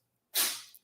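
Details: Pet cat: a single sharp, hissy burst that fades quickly, one small sneeze.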